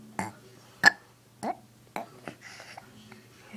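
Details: Young boy who has learned to make himself burp and now does it for fun: several short, throaty burps in a row with a little background voice; repeated voluntary burping.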